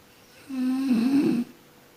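One low, rattling, buzzy snore on a breath in, about a second long: snoring from vibration of the soft tissues of the throat during sleep.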